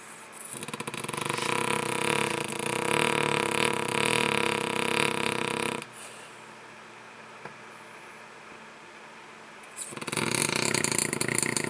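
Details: French bulldog snoring while asleep: loud, rough, fluttering snores on each breath, a long snore, a quiet pause, then another beginning.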